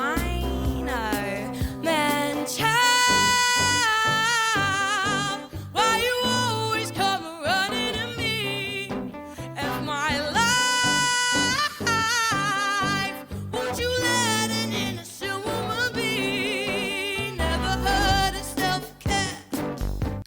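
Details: Female singer with a confirmed vocal fold polyp, likened to an injury from heavy use, singing with audible pitch breaks (jumps in tone).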